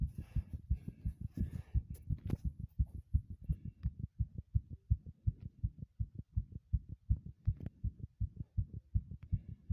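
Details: Heartbeat while running, recorded in a bathroom: rapid, regular low thumps at roughly 165 beats a minute after brief rustling; a fast heartbeat during exertion.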